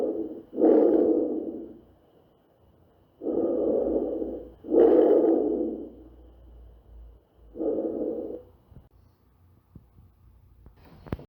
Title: Ausculta Pulmonar - Normal - Imuno